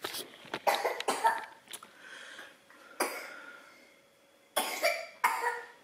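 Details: Cough from a sick young boy who is unwell and not in good form, just after eating a compote; cough.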